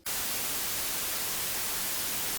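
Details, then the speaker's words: White noise static tinnitus therapy signal from a Signia hearing aid, one of five preset noise signals. "सिग्निया के साथ, आप सफेद शोर, (स्थैतिक"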